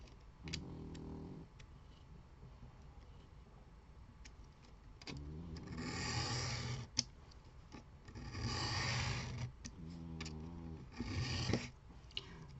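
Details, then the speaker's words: Low rumbling snores with breathy hisses in the background beneath paper-cutting craft noises; described as normal, as usual: snoring. "entendez ronfler, hein, c'est normal, comme d'habitude."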